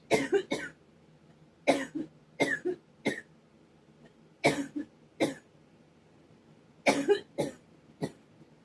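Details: Four clusters of short, dry coughs, two or three per bout, with quiet pauses between, attributed to a high pollen count that also causes sneezing; irritative cough.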